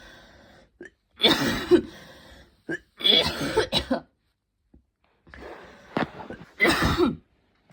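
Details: Evening coughing fit before bed, more intense than the person's usual coughs, leaving them tired and overheated; loud harsh coughs in three clusters with gasping breaths between: coughing fit.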